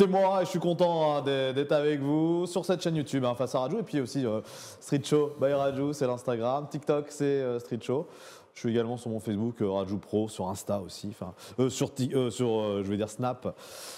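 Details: Adult man; typical speech.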